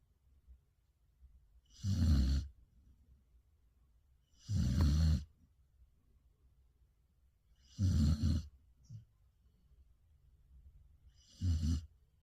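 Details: Samoyed dog snoring: four rumbling, snorting snores, about 20 a minute, with near silence between breaths.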